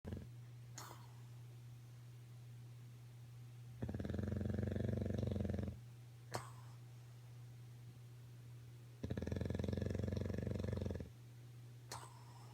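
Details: Bulldog asleep: two long, deep, vibrating snores about five seconds apart over a steady background hum; snoring.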